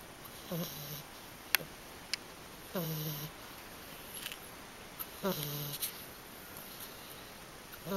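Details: Snoring of a young black Shiba Inu dog sleeping peacefully.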